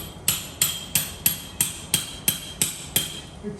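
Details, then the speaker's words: Eight sharp, evenly spaced metallic mallet strikes tapping a titanium cage into the L5-S1 disc space during OLLIF revision fusion for non-union. "now i'm going to remove actually i use this part of the hammer not to slip x-ray and you need a little bit"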